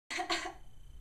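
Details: Two or three quick, rough cough bursts in a small room from a young person who reports being sick: cough.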